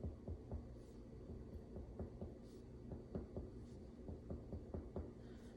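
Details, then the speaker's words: Stethoscope auscultation of a volunteer's heart at the aortic, pulmonic, Erb's point, tricuspid and fifth-intercostal mitral areas during an assessment: regular paired low thumps with no added sounds, no murmurs, normal heart sounds, good rate. "very good no no murmurs noted normal heart sounds good rate"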